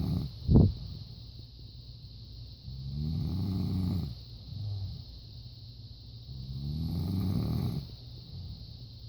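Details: Wife asleep: low, rumbling snores on two slow breaths in, with a brief thump early on; ordinary snoring.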